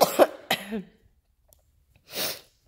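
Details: Person home sick with the flu, taking Theraflu: two short coughs, then a quieter breathy huff; cough.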